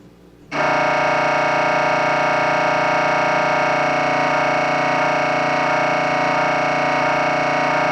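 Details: After a short quiet start, a loud continuous rasping MRI scanner drone with fast rapid pulsing; sample sound to prepare patients, including children, for what an MRI sounds like.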